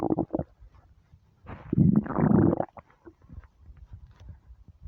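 A low, bubbling gurgle swells and fades over about a second, with a few soft clicks after. Ordinary stomach rumbling from an empty stomach.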